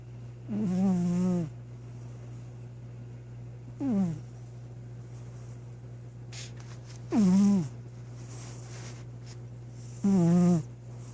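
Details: Four slow, voiced, rumbling snores about three seconds apart over a steady background hum from a sleeping cat that passed out, snoring up a storm; snoring.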